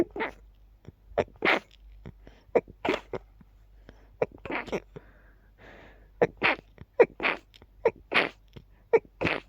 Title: Unbelievably quiet and rapid sneezing fit